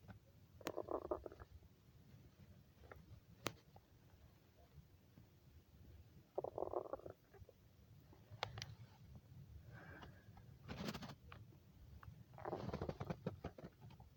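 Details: Several gurgling, squeaky rumbles over a low hum from a hungry girl's stomach: stomach growling from gas and fluid moving through the gut.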